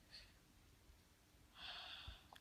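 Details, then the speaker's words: A child with hiccups is told to keep sniffing a Young Living essential oil to stop them: two quick nasal sniffs, the second longer and stronger, in a quiet room. "keep sniffing you just had another hiccup keep sniffing I actually need I have okay sniff again keep going until they're gone"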